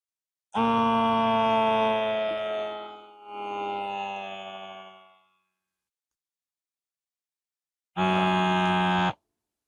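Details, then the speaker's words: Wrist-cuff automatic blood pressure and pulse monitor held over the heart, seated with feet flat, in a man on blood pressure medication: pump whine as cuff inflates, falling tone deflating, short second buzz; reading 152/61. "Feet flat on the floor. Okay. Push the start button and hold it over your heart."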